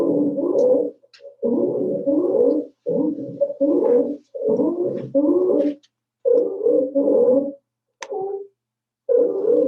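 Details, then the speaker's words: Stridor heard with a stethoscope at the lower anterior neck (also audible without one), as in croup, epiglottitis, aspiration or choking: harsh, musical, whistling breath sounds on inspiration and expiration from a narrowed upper airway. "usually you can hear this without a stethoscope but if you uh but if you put a stethoscope to the lower anterior ends of the neck you would hear you would hear this as clear as day and this is what it sounds like"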